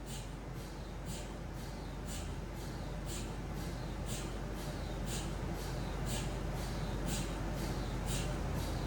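Low droning rumble with rhythmic knocking about once a second, typical of an MRI scanner running a spine sequence.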